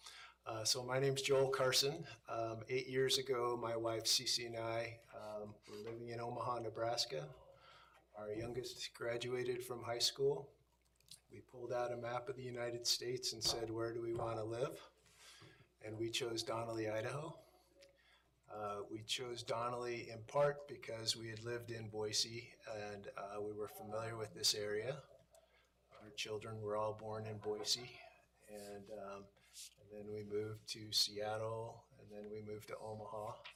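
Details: Adult male speaker; normal speech.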